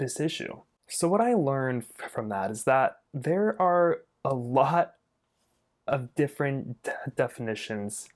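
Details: Adult speech-language pathologist who stutters himself and does not regard his stuttering as a disability; stuttering.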